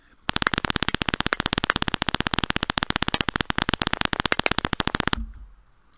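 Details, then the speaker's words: A rapid, regular train of sharp, crisp clicks for about five seconds: single fiber EMG discharges recorded with a single fiber electrode in a jitter study, with sharp spikes of constant shape. "here's a recording with a single fiber electrode and you see the the sharp spikes with constant shape and consecutive"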